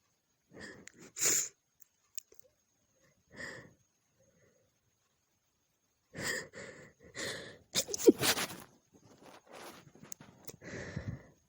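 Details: Female messy sneezing at night from a tickling nose: several wet, sharp sneezes with breathy in-breaths between them, over a faint steady whine from poor audio quality.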